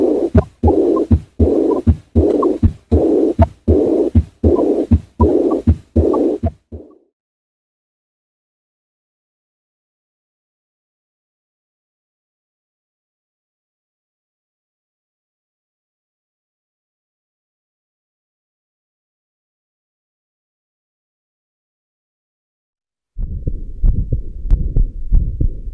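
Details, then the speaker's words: Aortic regurgitation, breath held in expiration: regular heartbeat near 79 a minute with a soft blowing early diastolic murmur after the second sound, best heard at the left sternal edge; no associated mitral stenosis. "it is a early diastolic murmur which is best heard at the left sternal edge"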